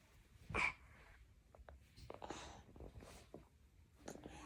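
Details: Infant with cough and cold: a single short, sharp sneeze, followed by quiet breathing and small sounds.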